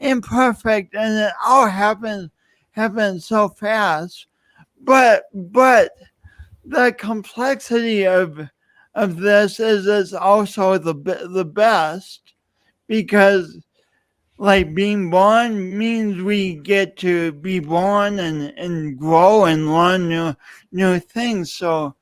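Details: Dysarthric speech with word repetitions in an adult man who lost oxygen at birth, with a pronounced lifelong speech impediment and an unusual gait.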